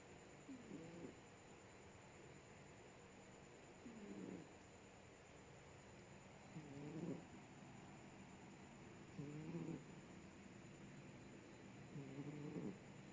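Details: A cat asleep: faint, slow rattling snores about every two to three seconds over a steady room hiss; snoring.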